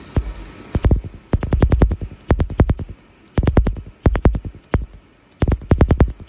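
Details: Laser tattoo removal on a chest tattoo: rapid bursts of sharp snapping pops in quick runs with short pauses, the tattoo removal laser firing during treatment while the patient says they can feel it.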